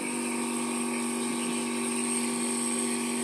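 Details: Steady, fairly quiet motor hum with a soft airy hiss from a Drive Panda pediatric compressor nebulizer, rated at 55 dBA, running during a child's breathing treatment: compressor nebulizer running.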